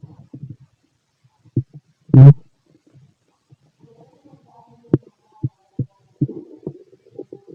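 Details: Stomach growling of a fit adult male, heard through a stethoscope on the belly: low gurgles, clicks and a brief rumbling growl; normal bowel sounds.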